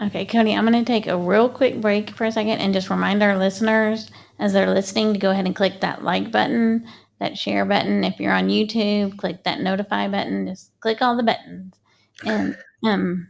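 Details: Adult speaker; ordinary speech.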